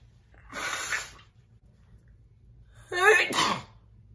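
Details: Two loud, forceful, wet-sounding sneezes from a woman, the second with a voiced wind-up before the burst; ordinary sneezing.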